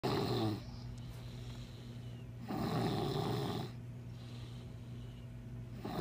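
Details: Low rattling snores on each in-breath with quieter out-breaths, about 20 breaths per minute; snoring.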